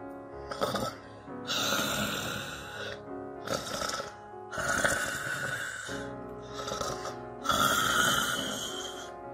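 Loud, rattling snores repeat irregularly, about 20 a minute, over background music; the snoring appears to be an added sound effect.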